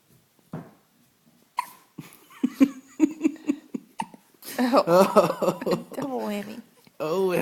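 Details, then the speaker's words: Hiccups in a 5-day-old newborn boy: short, abrupt catches of breath in a quick run, chest visibly moving, with adult voices and laughter nearby. "got the hiccups, buddy? Yeah. Oh, his little chest. Hey, you got the hiccups, Mr. Hudson?"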